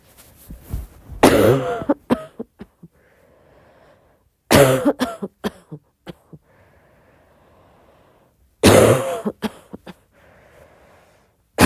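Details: Three short bursts of quick soft coughs with quiet gaps between, at midnight; an ordinary cough.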